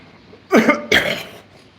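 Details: Adult man's cough, which he describes as coughing up a lung from snot.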